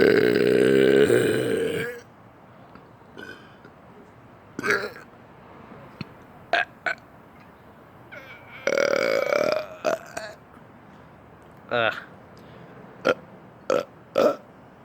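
Several voiced burps, one long and loud at the start, with short burps and soft sounds between them in a quiet room.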